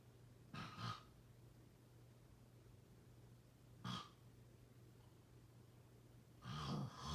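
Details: Snoring during sleep: three short, rough snoring breaths several seconds apart over a steady low room hum.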